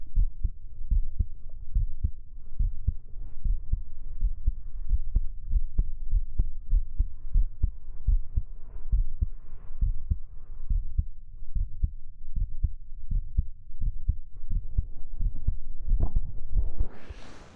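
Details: Steady, regular low thumping at about 70 beats a minute, heard close up in a 3Dio binaural ASMR hugging roleplay with fabric sounds; a normal heartbeat.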